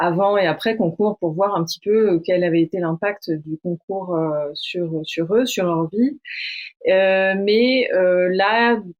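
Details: Adult man who stutters, founder of a French public-speaking contest for people who stutter; stuttering.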